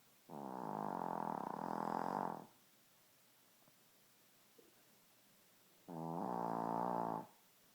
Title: Bunny the shitzu snoring